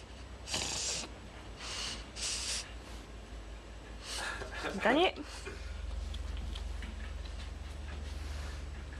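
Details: Five-month-old English bulldog (brachycephalic) reverse sneezing: several loud, harsh, rapid forced snorting inhalations through the nose, also called inspiratory paroxysmal respiration.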